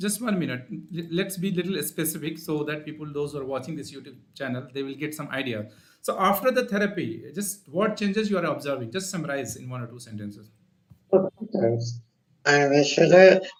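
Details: Adult male speaker; typical adult voice.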